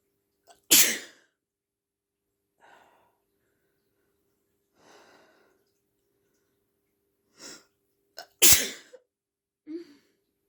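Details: Two loud, sharp, deliberately induced sneezes from a female in the evening, each preceded by quieter breathy inhalations, in a quiet room.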